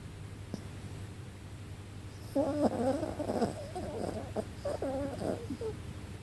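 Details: Wally, a 4 lb Yorkie dog, snoring: rough, fluttering snore sounds over several seconds with a steady low background hum.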